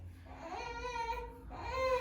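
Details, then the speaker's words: Soft, drawn-out fussing cries from an 8-week-old girl with acute torticollis, unable to turn her head right, during gentle chiropractic muscle work on a tight neck area. "But I know, sweetie, it's tight right there. That's all I'm doing is just a little muscle work here. You okay? You're gonna sound a little on me."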